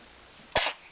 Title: Sneezing twins